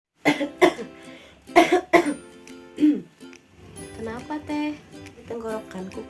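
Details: Four short, sharp acted coughs from an adult woman, then a brief vocal sound, with plucked-string music behind; from an ad for a herbal sore-throat remedy about weather-related coughs and throat pain.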